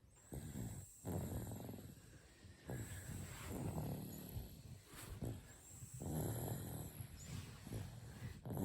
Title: Cute baby snores